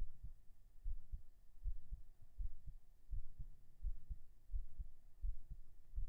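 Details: Binaural recording of a heartbeat after 37 push-ups: steady low thumping at about 80 beats a minute over faint room hum; a normal heartbeat after exercise.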